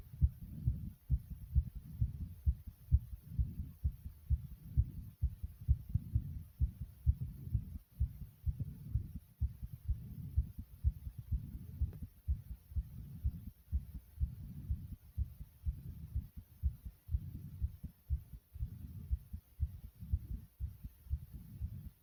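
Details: Rapid, racing heartbeat recorded by the person themselves: fast, regular low thumps at roughly 130 beats per minute; tachycardia.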